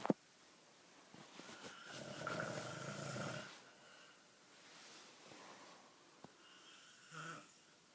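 Quiet, rough, rattling breaths with a soft snore on the in-breath, in a quiet room: light snoring.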